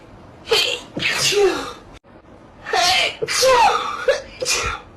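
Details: Several drawn-out sneezes in a slowed-down slow-motion compilation, each a sharp breath in followed by a loud hissing burst: sneeze.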